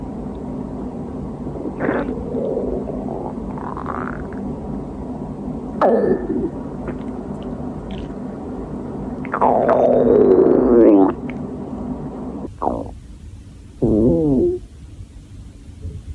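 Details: Hungry girl's stomach growling: irregular gurgling and rising, squeaky rumbles over faint room noise from an empty stomach; hunger borborygmi.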